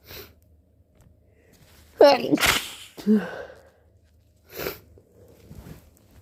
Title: More flu sneezing, blowing and coughing